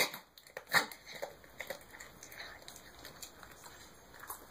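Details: Dog reverse sneezing: one loud noisy snort, then a string of softer irregular snorting breaths.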